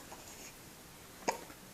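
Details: A baby with the hiccups: a single sharp, brief infant hiccup in a quiet room.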